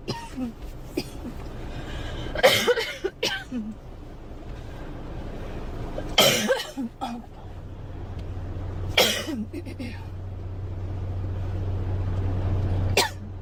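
Four separate sharp coughs spread over about thirteen seconds, with a low steady hum of room or engine noise behind them.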